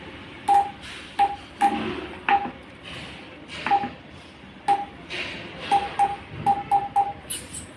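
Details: A series of short electronic key-press beeps with control-knob clicks as the settings menu of a Uniwer UMS A12 five-parameter patient monitor is navigated to change the patient type from adult to pediatric; ordinary device sound.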